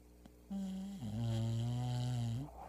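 A single long, loud, low rumbling snore, steady and buzzy through most of the breath, in a quiet room.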